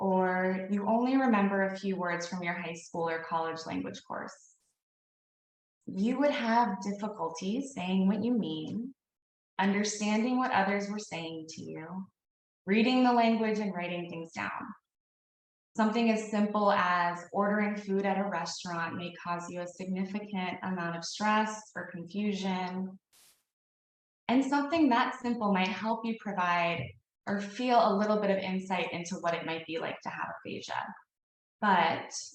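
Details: Adult woman speaking; Normal speech.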